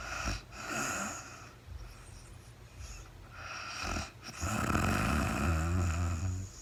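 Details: Real-time recording of a woman sleeping overnight after being very tired, no talking: rough, fluttering snoring breaths with a longer rattling snore near the end, over a steady background hiss. Snoring.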